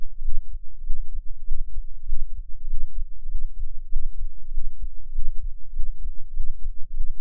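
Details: Recorder's own heartbeat captured with an experimental microphone enclosure, dominant frequency about 10 Hz; muffled low thumping at roughly 95–100 beats a minute, steady rhythm, recording includes a breath-hold; normal heart sounds.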